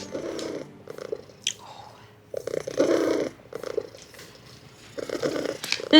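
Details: Cat purring loudly in rhythmic bursts at a vet clinic, faint room noise between phases; thin, underweight cat with poor fur condition being considered as clinic cat, purr too loud to hear heartbeat.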